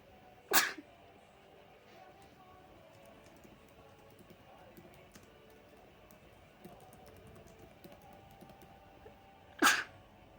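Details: Sneezing attributed to dog allergy after sleeping in bedsheets a dog played in: two sharp, brief sneezes several seconds apart over quiet room noise with faint clicking.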